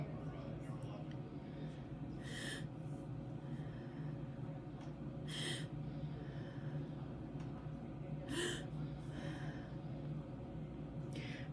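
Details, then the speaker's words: Adult voice-task recording: exhaling then quickly inhaling through the mouth as if gasping for air, three times; repeated quick, sharp mouth inhalations over low room hum; simulated gasping inhalation. "for the fourth task exhale then quickly inhale through your mouth as if gasping for air do this three times in a single"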